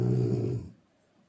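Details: Snoring sound.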